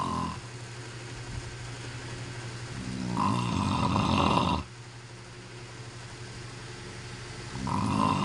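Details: Husband asleep: loud, rattling snores on each in-breath, about 8 seconds apart, with quieter breathing between them; heavy snoring.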